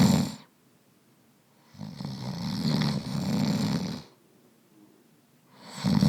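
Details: Adult male snoring during sleep: deep, rattling low-pitched snores recur with each breath in, about 11 breaths a minute, separated by quiet pauses.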